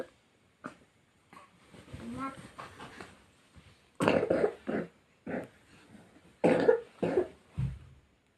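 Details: Young brothers, one a baby, with a cough and cold give a run of about six or seven short, wet-sounding coughs after soft vocalizing, yet stay cheerful; a cough.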